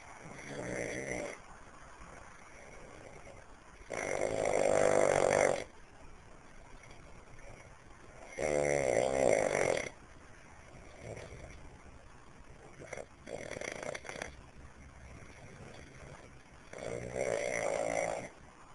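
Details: Man snoring while asleep: loud, rattling snores, several in a row, each one to two seconds with quieter pauses between, about 16 a minute.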